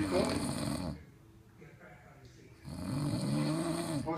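Two loud, rough, vibrating snores separated by a brief quieter breath, with faint voices nearby; snoring.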